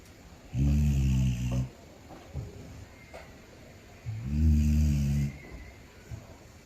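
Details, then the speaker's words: Two low, buzzing snores on the in-breath from a sleeping orange cat lying on a soft pillow after a long day of playing, with quiet breathing between them; ordinary cat snoring. "The cat slowly drifts into a deep sleep and begins making soft, adorable snoring sounds. Gentle breathing, tiny snorts, and cozy purring mix together as the orange cat snores quietly like a tiny engine."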